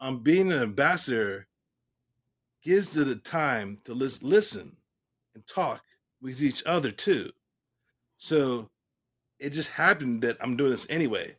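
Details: Real adult male stroke survivor, 3 years and 5 months after his stroke, who at first could not say the word aphasia and now talks clearly about what happened; post-stroke aphasia.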